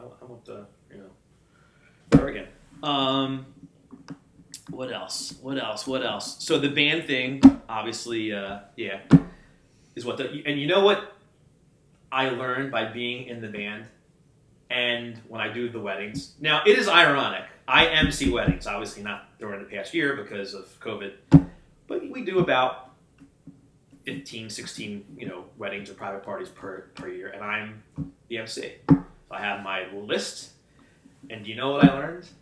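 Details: Adult man with a stutter since childhood, who had speech lessons from grade school until about high school and still sometimes struggles to get words out: stuttering.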